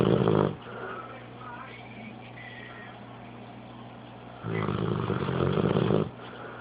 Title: Snoring dog